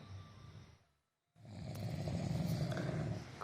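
Deep, rattling, low snoring from a sleeping adult, with a short silent break before the next loud snore.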